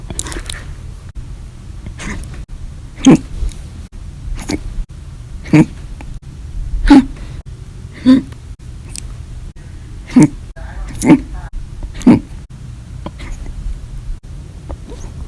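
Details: Violent, loud, silent hiccups recorded July 17–18, 2019 after lunch and after dinner with a cup of soda; episodes lasted 7 h 25 min, 1 h 15 min and 1 h 11 min. Sharp, abrupt hiccups at regular intervals, about eight in fifteen seconds, in a quiet room.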